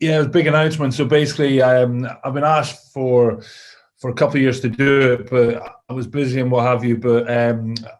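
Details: Adult male former rugby player with a lifelong stammer, whose father also stammers, who has worked hard on it, speaking in an interview; stammering (stuttering).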